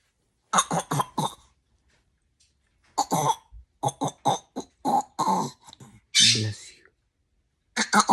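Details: Baby pretending to sneeze: several short, sharp bursts of air with a stronger final burst, imitated rather than true sneezes.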